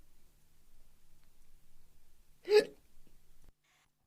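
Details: Animated cartoon hiccup from Shaun the Sheep: a single short, sharp hiccup against a quiet background.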